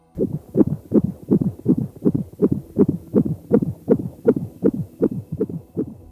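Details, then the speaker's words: Rapid, regular whooshing beats at about 160 a minute; normal fetal heartbeat by Doppler, first trimester of pregnancy. "latido de un feto es algo que puede empezar a escucharse en torno a la semana seis o si de la gestación"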